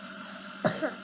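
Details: Cough during nebulizer treatment for recurring shortness of breath, which reliably flares after swimming: a single short cough over the steady hiss of the nebulizer.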